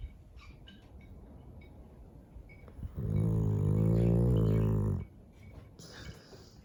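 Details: Snoring in a Chow Chow dog: one loud, rumbling, low-pitched snore lasting about two seconds, with quiet breathing before and after.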